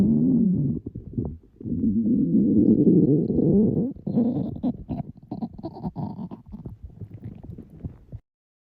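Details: Girls' hungry stomachs growling loudly; stomach growling (borborygmi) from hunger.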